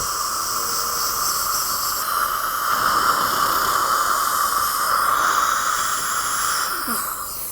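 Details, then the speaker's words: Dental Airflow air-polishing of a 55-year-old woman's teeth, around a first-molar implant, for inflamed, bleeding gums: continuous loud hissing spray removing stains, plaque and tartar; airflow dental polishing. "Is everything okay? This is the end of the first Airflow It feels really clean"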